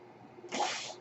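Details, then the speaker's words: A podcaster's mechanical ventilator: a soft airy hiss rises abruptly and holds briefly as it delivers a breath. "That noise you're hearing is my ventilator."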